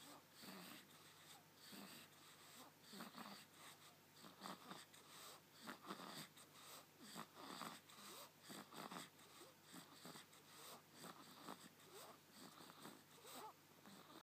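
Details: Soft, irregular snorting and wheezy breath noises over a quiet room hum; light snoring.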